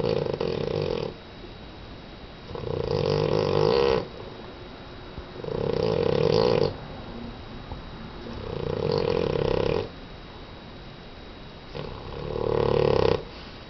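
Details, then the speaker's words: Regular, deep, rumbling snores, about 20 breaths a minute, with quieter exhalations, from a sleeping dog with eyes open: loud snoring. "baby. You're snoring like crazy."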